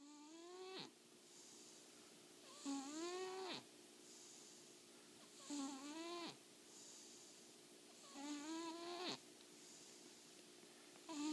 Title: Super adorable Oliver kitty snoring